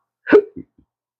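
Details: Man with chronic, intractable hiccups, speaking about losing his acting and surgical tech careers: a single sharp voiced hiccup with a brief trailing catch.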